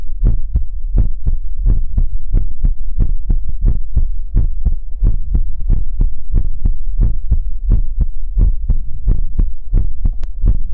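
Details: ASMR livestream heartbeat sound for relaxation: steady deep low thumps, about 90 a minute, with a faint hum underneath; heartbeat.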